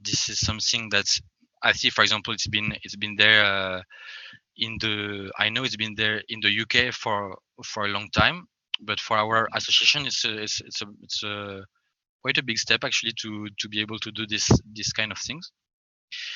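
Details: Stuttering in an adult French man who describes himself as a person who stammers, speaking English.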